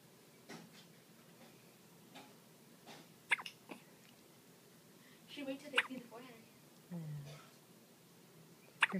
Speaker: Your hiccups will be gone by then.